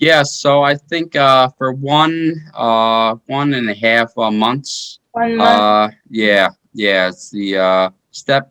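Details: Aphasia in a 33-year-old man after a stroke in 2019; he initially could not speak or move his body.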